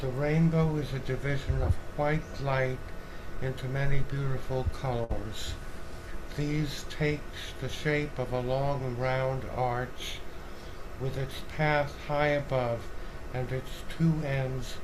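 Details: 71-year-old male choral singer after right glomus jugulare resection with right vocal fold paralysis, right tongue paralysis and hypoglossal sacrifice; breathy weak voice, hypernasality from velopharyngeal insufficiency, mild dysarthria; vocal fold and tongue paralysis.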